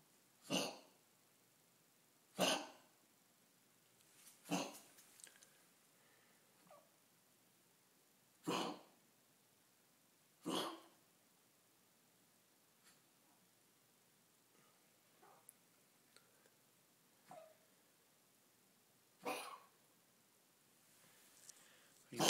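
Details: Dog with kennel cough giving sharp, dry, hacking coughs in spaced bursts; recorded at 7:00 am.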